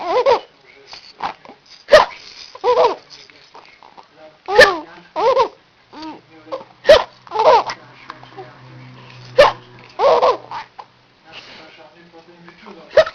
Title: Czkawka Hiccup